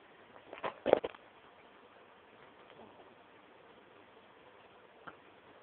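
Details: 4-week-old female infant with hiccups.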